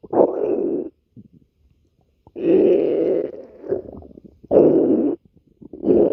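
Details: Several loud, gurgling rumbles in bursts with quiet gaps: stomach growling (borborygmi) from gas and fluid moving through the gut.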